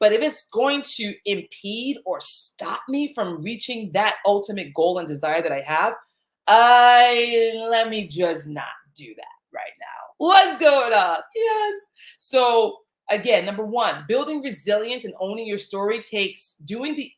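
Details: Stuttering in a man whose stutter began in childhood, around age eight, during a time of intense fear.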